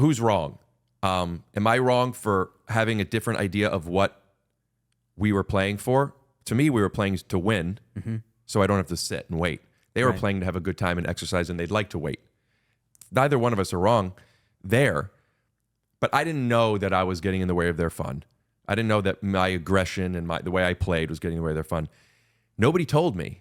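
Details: Adult man speaking; ordinary conversational speech.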